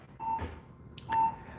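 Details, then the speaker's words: Two steady mid-pitched beeps about a second apart from a pulse oximeter on a doctor himself, tracking his heartbeat as he demonstrates heart rate speeding up and slowing down. "So everyone can hear my heartbeat. Does everyone hear my heart rate changing? Does everyone hear how it speeds up and it slows down?"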